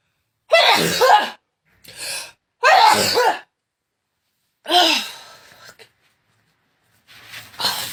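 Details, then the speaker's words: Several forceful sneezes in quick succession with short quiet gaps and softer breaths, sneezing uncontrollably after a COVID-19 nasal swab test; induced repeated sneezing. "i hate this last time i did this i couldn't stop sneezing for 10 minutes that was enough that was not enough"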